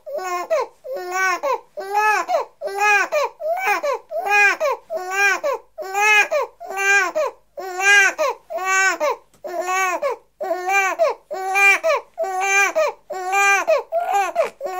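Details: Six-week-old baby boy crying, recorded in 1984: rhythmic, full-voiced cries about once per second with brief breaths between, in a quiet room.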